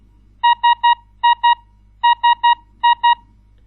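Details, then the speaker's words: Ventilator alarm in a remote monitoring software demonstration: repeating groups of three and two high electronic beeps, played through the central monitoring station speakers. "if an alarm occurs on one of the ventilators it will be shown in the small window and if selected also on the central monitoring station"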